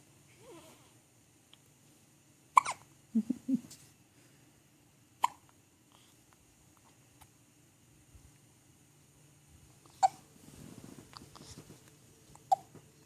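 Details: Sharp, brief hiccup clicks about every two and a half seconds, roughly 24 a minute, in a quiet room: ordinary hiccups.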